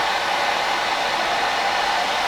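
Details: Mechanical insufflation-exsufflation with a Clearway cough assist machine via tracheostomy in a male patient recovering from a chest infection after deep brain stimulation surgery complications; steady loud rushing airflow delivering a breath.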